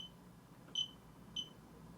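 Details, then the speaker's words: Two short high beeps from a cold laser scanner over a sensitive spot on the chest wall of a patient treated for costochondritis; the scanner may beep again when passed over the same spot. "and we're going to scan it again and it might beep again over the same spot it's common for it to do that so we'll go over it a couple times"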